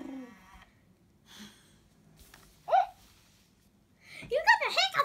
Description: My Bearakeet Milo has the Hiccups!